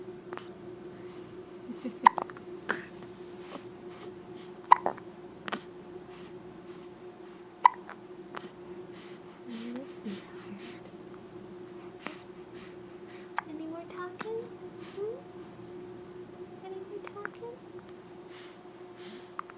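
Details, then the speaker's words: Small, sharp hiccup clicks about every few seconds, roughly 11 a minute, with soft baby sounds and room hum from a baby girl just after her bath; infant hiccups. "Oh dear. Those hiccups."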